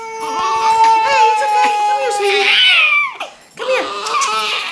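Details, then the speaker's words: Newborn just brought home, crying because hungry: rhythmic, high-pitched wailing with a dog's whine overlapping; newborn hunger cry. "what it sounds like when they both cry you know why he's crying cause he's hungry mommy needs to feed him a little bit"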